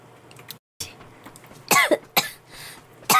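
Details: Coughing girl with a cold: a few short, harsh coughs and throat clearing in quick succession in a quiet room.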